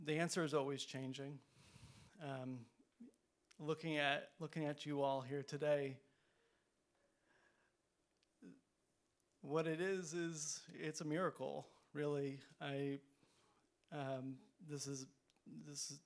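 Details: Event co-host who stutters, speaking live; stuttering with prolongations, repetitions and blocks.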